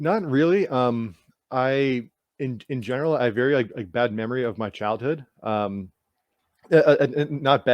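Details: Adult male with lifelong stuttering since childhood; stuttering.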